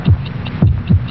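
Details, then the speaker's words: Steady low thumps of a normal heartbeat rhythm under a faint hum, presented as 72 heartbeats in one minute in a vintage television commercial. "This message will last 60 seconds."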